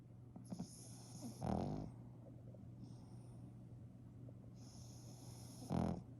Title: Nothing like the sweet snoring sound of a pug